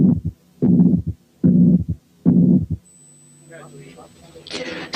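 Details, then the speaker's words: Mitral incompetence on teaching auscultation: three heart cycles with a muffled first sound, a long blowing pansystolic murmur, then a second sound and a third heart sound. "سمعتوا ايه؟ muffled first sound ثم pansystolic murmur ثم second sound ثم a third hard sound."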